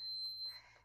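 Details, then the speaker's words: A short, quiet, high beep followed by faint handling noise as an orange Moog Infinity enteral feeding pump is switched on for a child's tube feeding, after loading tubing; pump power-on beep. "We can snap that door closed, and you can check and make sure that there's no uh it's not getting pinched on the tubing there. We'll turn the pump on."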